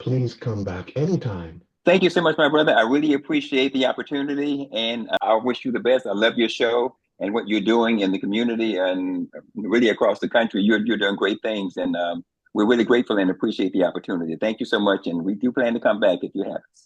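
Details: Adult male speaker; typical speech.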